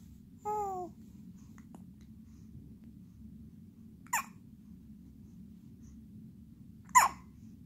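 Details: One-month-old infant boy during a brief hiccup episode: a short squeal, then two short, sharp hiccup sounds a few seconds apart over quiet room noise; ordinary newborn hiccups.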